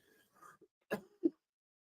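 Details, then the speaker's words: Adult man on about day eight of a lingering cold caught from his partner, coughing twice in a quiet room. "I mean it's ridiculous this thing I whenever I get colds you know they're gone a couple days later this is this one's holding on like Grim death I'm on like eight day eight of this"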